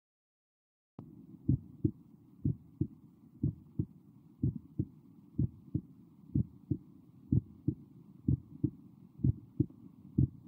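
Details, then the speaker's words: Normal heartbeat audio played in a physiology lecture: steady lub-dub pairs at about 60 beats a minute, normal first and second heart sounds, over a faint background hum. "Right? So that is basically a normal heartbeat that I've shown to you. That I've shown you a normal heartbeat, right?"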